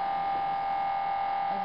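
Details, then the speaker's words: Inside an MRI scanner at the start of a cervical spine series on a volunteer nurse, with a coil over the neck: loud, steady mid-pitched buzzing drone; MRI gradient noise. "now she's being put into the mri this is what it sounds like inside the mri right now"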